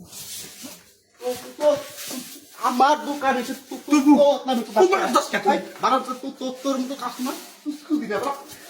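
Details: Acted stuttering by a character in a comedy skit about two people who stutter, during a longer exchange.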